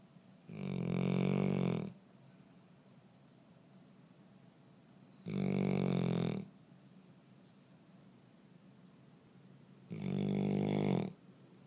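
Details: Sleeping dog, very loud snoring: three long, low, vibrating snores about every five seconds, roughly twelve a minute, with quiet pauses between; snoring.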